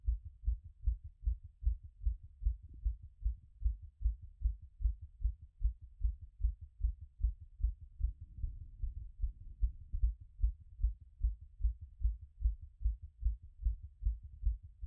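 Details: Own heart auscultated after a workout: regular, strong heartbeats at about 75 a minute, already settled from a peak of around 180.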